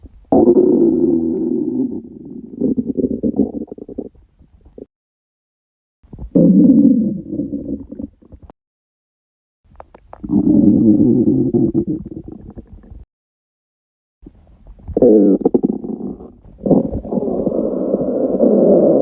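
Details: Stomach rumbling after a 48-hour fast: long, low gurgling rumbles from an empty stomach in four bursts separated by short silences; borborygmi.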